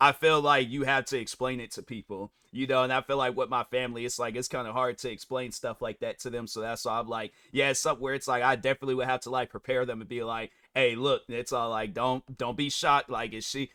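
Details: Adult male speaker; ordinary speech.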